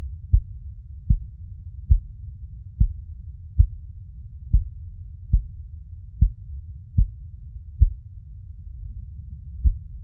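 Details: Steady, low, thumping maternal heartbeat at about 76 beats a minute over a soft low rumble; a continuous mother's heartbeat recording for baby sleep.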